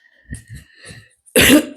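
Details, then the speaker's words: A single sudden, loud, harsh, dry cough after a few soft, low vocal sounds, with a faint steady background tone. The speaker then apologizes for having coughed. "Excusez-moi, j'ai toussé dans le... C'est pas agréable."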